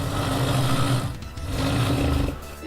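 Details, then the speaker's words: Woman described as the UK's loudest snorer, reportedly measured at about 111.6 decibels, louder than a jet engine, and woken three to five times a night: loud, rough, low rattling snores over two breaths with a brief pause; heavy snoring. "for anyone over there in America who could snore louder I can be woken up three four five times a night bad times what killed when it was measured in decibels they said it was 100 11.6 a jet engine is less than that"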